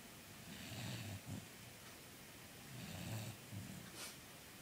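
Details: Soft, low rumbling snores on inhalation, roughly two cycles in under five seconds, against a steady background hiss: snoring.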